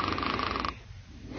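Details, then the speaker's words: Snoring with flow limitation during sleep-disordered breathing: a coarse, buzzing snore on the in-breath, then quieter airflow. Relaxed upper-airway soft tissue vibrates, and its frequency and loudness rise breath by breath. Breathing effort increases, often leading to arousal. "Breath by breath the frequency of the upper Airway vibration increases along with the loudness of the snoring snoring also increases the effort required to breathe and it can be rather noisy flow limitation with snoring often leads to arousal"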